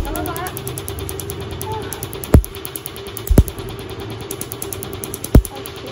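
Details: Three sharp snapping pops over a steady room hum and faint music, the crack of laser pulses during tattoo removal, described as a strange sound. Laser tattoo removal pulses.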